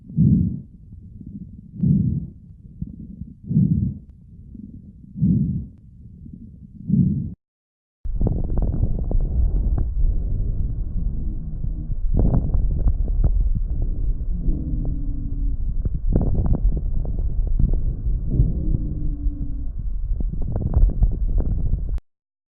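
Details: Lung auscultation: rhythmic breath noises, then coarse noisy breathing with scattered brief popping crackles (crepitations).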